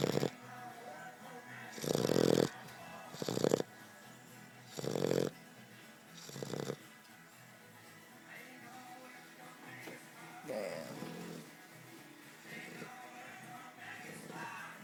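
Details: 4-month-old Old English Bulldog puppy asleep at home, loud snorting snores in the first seven seconds, then softer breathing with faint background music; snoring.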